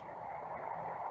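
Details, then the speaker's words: A single brief, soft cough from a patient with neuromuscular disease: a weak cough. "It seemed like there was some glottic closure, but the cough peak flow compared to the person that you saw before was significantly lower at 70 litres per minute."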